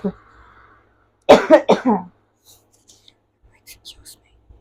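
A short run of three harsh coughs in quick succession, then quiet rustling.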